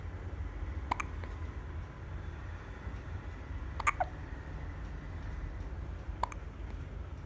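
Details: Newborn baby: three soft, sharp hiccup clicks a few seconds apart over low room hum; hiccups.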